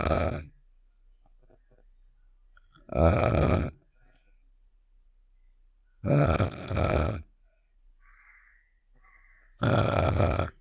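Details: Simulated cartoon snoring sound effect of the character Star: four loud, rough, low snorting snores about every three seconds, separated by silence.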